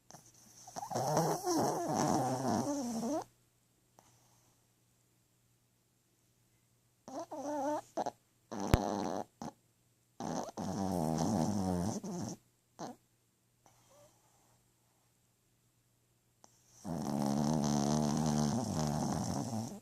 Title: My snoring dog Prego